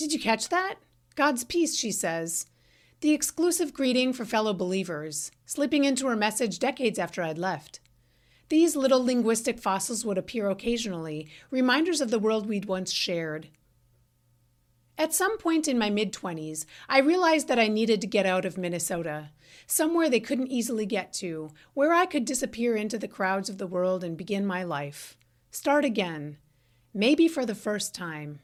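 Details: Adult woman narrating; typical speech.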